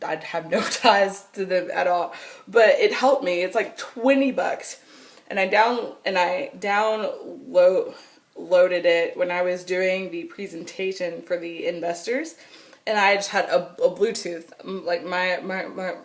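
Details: Adult woman with stuttering since she began talking in childhood, persisting into adulthood; she says nervousness, excitement or anger intensify it and phone calls make it much worse.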